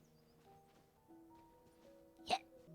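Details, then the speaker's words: Female VTuber who suddenly gets the hiccups while talking: a single short, sharp hiccup over soft background music; hiccup. "yeah sorry got the hiccups all of a sudden"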